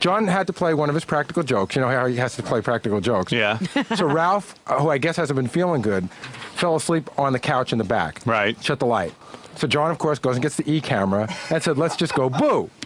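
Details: Adult male speaker; Normal conversational speech.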